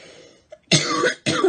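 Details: Two harsh, forceful coughs in quick succession after a brief breath in, from a woman.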